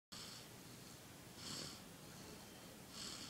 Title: Cute snoring baby